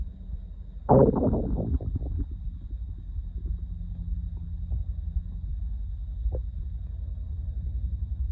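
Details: Hungry person, up after about 18 hours of work with sharp stomach pains: a loud gurgling rumble, then softer low bubbling and a brief squeak of stomach growling.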